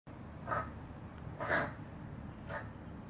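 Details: A dog that inhaled some hair and got an irritated airway makes three short, squeaky, whistling wheezes about a second apart; the dog is okay.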